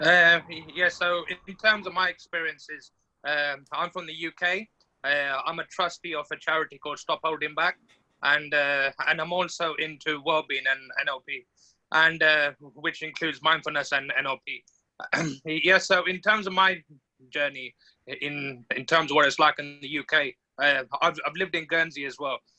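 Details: Adult man from the UK who identifies as a person who stammers, speaking on a stammering awareness panel; stammering.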